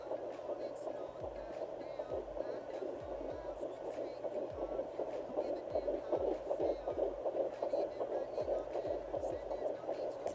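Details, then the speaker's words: Rapid, regular whooshing pulses about 150–160/min over a steady hum: fetal heartbeat on a home doppler in an IVF pregnancy, first found at ten weeks and used until about 16 weeks. "but you didn't hear heartbeat until about ten weeks and as soon as I found it I knew what it was"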